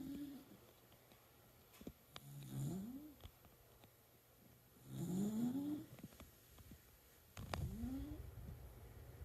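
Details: A schnoodle dog snoring while asleep, with rough, rising nasal snoring breaths about every 2.5 seconds with a whistling edge; the owner jokes it may be a "valve problem."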